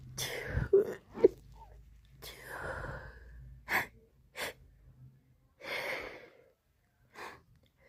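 A run of sharp, breathy sneezes, with short gasps between them; a sneezing fit.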